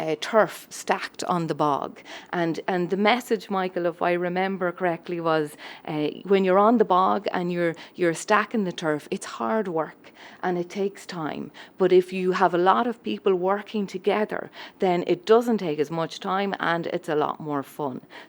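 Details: Adult woman speaking; Normal speech.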